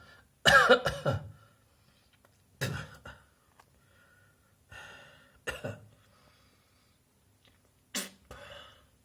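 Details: An adult's acted coughing: several harsh coughs, mostly in pairs, separated by quiet gaps.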